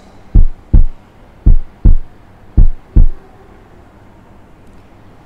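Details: Three clear lub-dub pairs at about 55 beats a minute, then a quiet gap; normal first and second heart sounds heard with the stethoscope diaphragm at the lower left sternal edge, patient reclining at 45 degrees.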